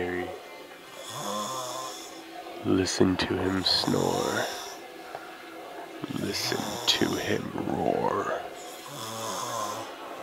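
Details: Man snoring loudly: rattling snores on breaths in, with music playing in the background.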